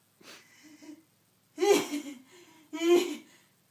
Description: My best friend sneezing, it lasts forever and is hilarious! No joke people, this is really how she sneezes, it isn't fake or planned.